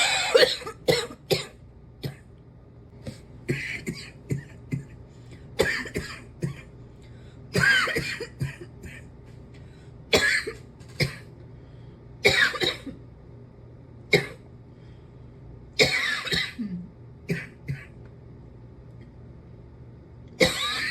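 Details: A persistent, lingering cough that is still hanging on: repeated short, harsh coughs and throat clearing in irregular bouts.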